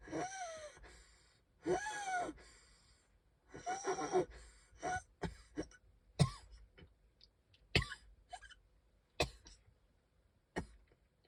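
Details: Strained, high whistling wheezy breaths followed by a run of about eight short harsh coughs; the person can hardly breathe, coughing with wheezing.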